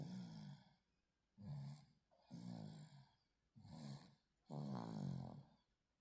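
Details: Baby on day 126 of life snoring during a nap: soft, rhythmic, rumbling breaths with a fluttery edge, about five in six seconds; snores like dad.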